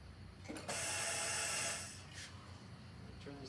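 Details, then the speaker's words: Mallard 2800 anesthesia ventilator, respiratory rate 20: hiss of gas about one second as the bellows push down, then quieter hiss; a single delivered breath. "up to 1.5 seconds so now it's pushing down for one and a half seconds"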